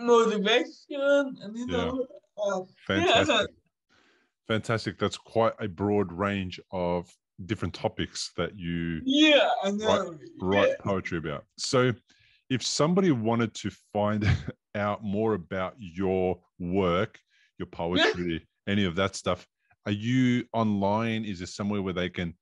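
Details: Adult male speaker; Typical speech.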